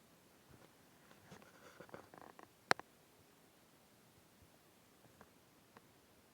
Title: Stomach growling